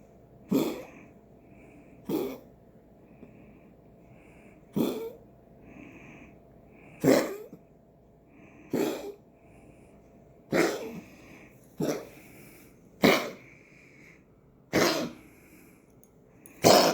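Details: Dog coughing: about ten sharp, separate coughs over seventeen seconds, with faint whistly breathing between some.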